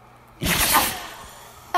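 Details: A dog that cannot stop sneezing: a single sharp, airy sneeze that fades quickly, with another starting at the very end.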